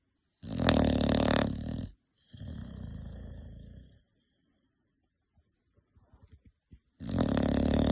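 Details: Female Old Tyme Bulldogge sleeping in the evening, worn out after a day with daycare puppies: loud, rough rattling snore, softer rasping exhale, quiet pause, another snore, dog snoring.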